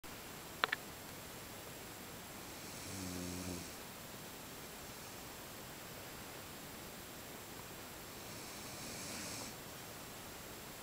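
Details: Nearly 5-month-old Rhodesian Ridgeback puppy snoring in sleep: two soft, low rattling snores about six seconds apart over steady room hiss, brief click near start.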